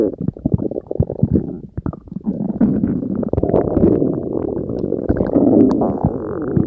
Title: Other stomach growl sounds. (@mybellygurgles a.k.a, The Tum of Rayne.)